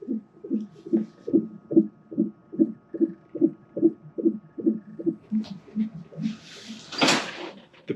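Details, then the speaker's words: Fetal heartbeat on a continuous fetal monitor during hospital labor before delivery, mother not yet dilated: rapid, regular whooshing thumps about 146 beats a minute, a normal fetal heartbeat. "the bottom one's monitoring the heart beat baby's heartbeat and if you listen you can hear it it's so cute being able to hear his heartbeat the whole time"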